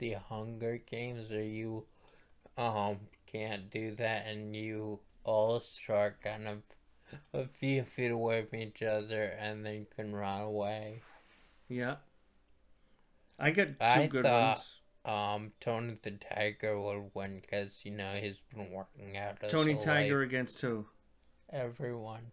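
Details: Dysarthria after stroke in a male stroke survivor, who attributes his voice to his stroke and also had past brain surgery for a brain tumor.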